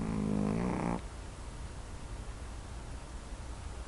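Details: Snoring: one rumbling, fluttery snore at the start, then only low room noise.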